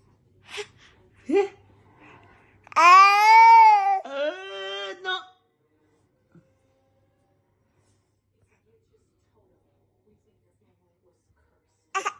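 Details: Brief whimpers build into one short wavering cry, then quiet: an infant girl starting to cry.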